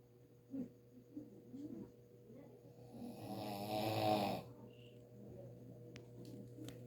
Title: How To Do A Relaxing Snore Without Opening Your Mouth